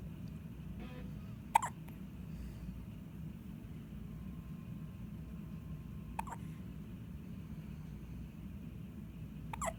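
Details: Three sharp, squeaky hiccups spaced several seconds apart over a steady low room hum; hiccups.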